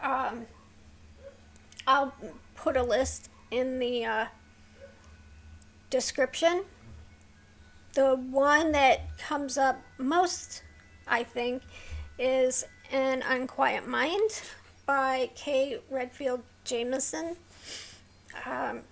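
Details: Vocal tremor in a woman with a neurological condition causing tremor of the hands, voice and head plus mild tardive dyskinesia; she strains to talk, which makes her throat sore.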